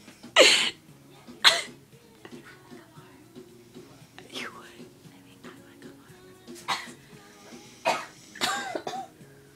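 About five short, harsh cough-like bursts, irregularly spaced, with music playing in the background.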